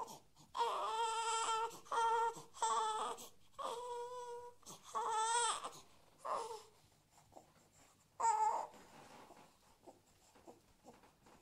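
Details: Infant crying sound effect from a late-1980s sound library: repeated loud, high-pitched wailing bursts with brief gasping pauses and a few fading whimpers.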